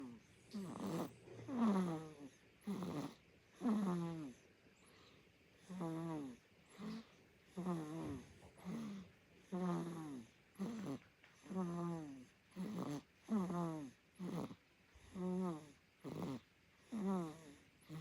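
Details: Korean baby (infant) snoring: repeated voiced, rattly breathing noises about 30 a minute in a quiet room; snoring.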